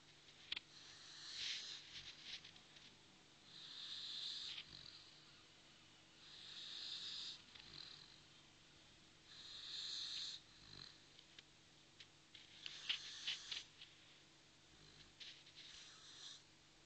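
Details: Sleeping Dogue de Bordeaux dog gently snoring: soft, hissing, snuffly breaths about every three seconds, roughly 20 a minute, with room hum.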